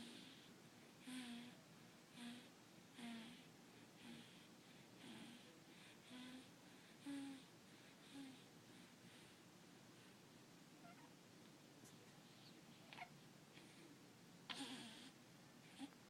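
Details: Soft, rhythmic snuffling snores about once per second from a sleeping pet (cat) on a bed, quiet against room noise.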